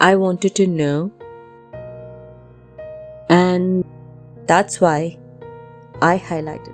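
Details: Dysarthria in an adult male with dyskinetic cerebral palsy (involuntary movements) caused by jaundice at 3 days old. He struggles to speak.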